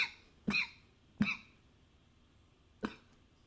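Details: Four short, sharp, dry coughs at irregular spacing over a few seconds, in a quiet room, recorded with a new high-fidelity microphone; cough.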